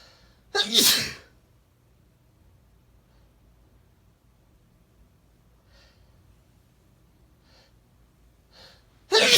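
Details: A male giving a small bout of sneezes: two loud explosive sneezes with a few soft breaths between them in a quiet room.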